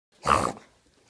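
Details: Dog (Charley Brown) giving a single harsh, snorting inward gasp, a reverse sneeze.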